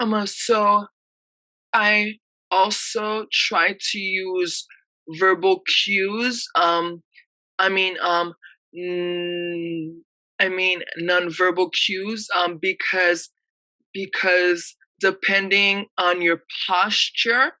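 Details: Real recording of an adult woman who stutters and reports blocking and repeating words, speaking as a panelist; stuttering.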